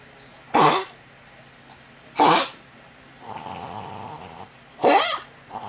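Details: A dog gives three short, harsh cough bursts with a rougher, drawn-out rasping breath between them: dog cough.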